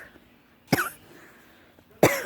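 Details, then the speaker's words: Adult with a lingering cough from an illness caught on arriving in China after it reopened, resting on a park bench after a long walk outdoors: two short, dry single coughs about a second apart. "gosh I still have some cough call it I never getting in America for almost three years now I'm here getting immediately after China reopens"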